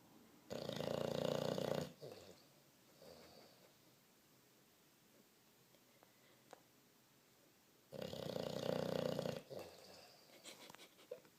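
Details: Bulldog snoring: two long, loud, rough rattling snores separated by quiet pauses, with soft breath noise between; snoring.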